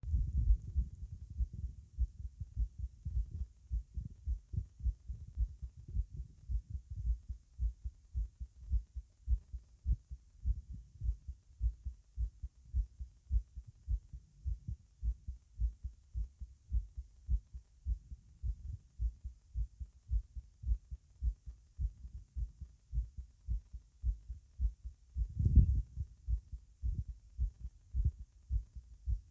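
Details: Fast, strong heartbeat at about 105 beats a minute, heard over the tricuspid area with the person standing; rapid, forceful heartbeat.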